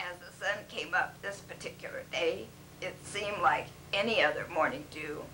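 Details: Patient with spasmodic dysphonia affecting the vocal cords, recorded before treatment with botulinum toxin injected directly into the voice box; spasmodic dysphonia.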